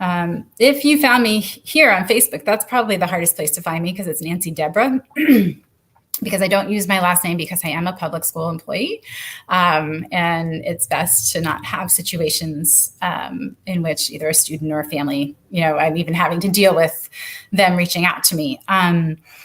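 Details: Adult woman; normal speech.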